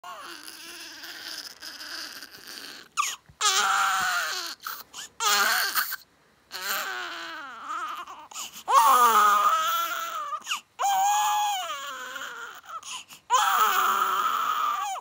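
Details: Newborn baby, 5 days old, crying: rhythmic, rising and falling high-pitched wails with brief breaths between, a strong typical newborn cry.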